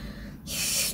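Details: Lateral lisp, demonstrated (imitated) by a speech-language pathologist.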